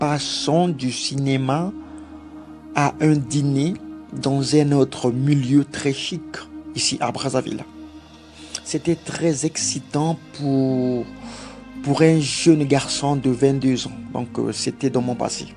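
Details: Stuttering in a French-speaking adult man who grew up with a stutter and followed therapy for several months as an adult; he says he still stutters occasionally here, with word repetitions.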